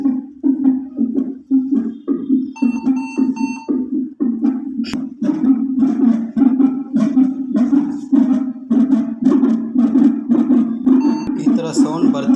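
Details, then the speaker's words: Fetal heart Doppler sound from a Nidek FM-150 fetal monitor probe in a product demonstration: rhythmic whooshing pulses of the fetal heartbeat. "ಏನಅಂದ್ರೆ ಮಗುದು heart beat sound ನಾನು just demo ತೋರಿಸ್ತಾ [ನಗೆ] ಇದೀನಿ ನೀವು ಹೊಟ್ಟೆ ಮೇಲೆ ಇಟ್ರೆ ಮಗು ಹಾರ್ಟ್ ಬೀಟ್ ಸೌಂಡ್ ಇದೆ ತರ ಬರುತ್ತೆ"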